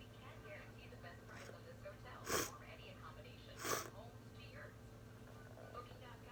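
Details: Uncovered sneezing fit from a cold: two sharp, explosive sneezes a little over a second apart, with quiet talk and room noise around them.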